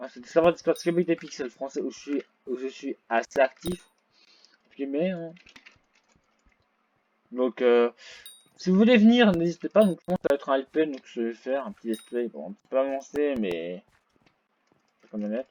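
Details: Male French-speaking gamer who reports a small stuttering problem; stuttering.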